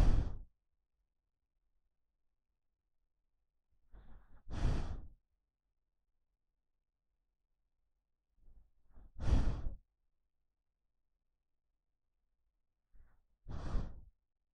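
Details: Dog asleep: slow, quiet breaths about 13 a minute, soft inhale then longer sighing exhale; unlabored normal resting breathing.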